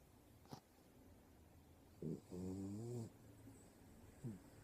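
A sleeping dog makes a few brief snorts and a squeaky, whistling snore over quiet room noise.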